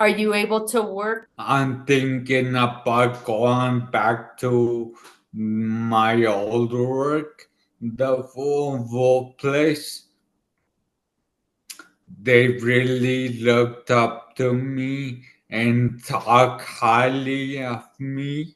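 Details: 40-year-old man, former elite runner, with dysarthria from an ischemic stroke about two years earlier in the right brain, affecting his left side and part of his tongue and mouth; he had to relearn speaking.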